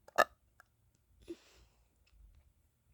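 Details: One short, sharp burp followed by a softer gulping sound in a quiet room, from a person who says they can't stop burping; burping.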